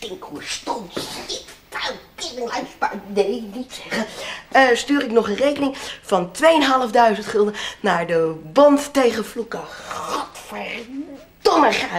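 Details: Tourette syndrome with vocal tics and coprolalia, acted in a comedy sketch, swear words and noises interrupting a talk.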